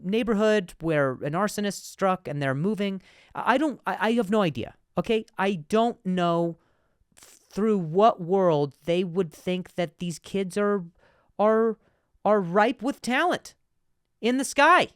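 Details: Adult man, a comedian who stutters, speaking with part-word and word repetitions; stuttering.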